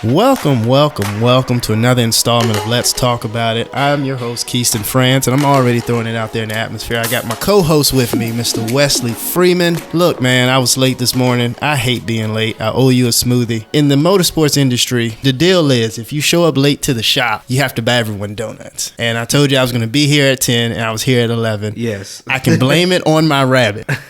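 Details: Adult male speaker; normal speech.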